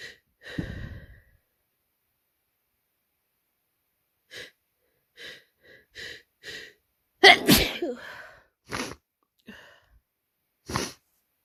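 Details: Someone with a cold having tickly, stuck sneezes: several short hitching breaths and quiet huffs build to one loud explosive sneeze, then more brief ones; repeated sneezing.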